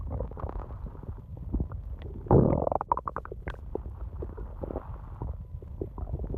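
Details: Long stomach growling at night: continuous low gurgling and rumbling with a louder bubbling surge midway, ordinary bowel sounds (borborygmi).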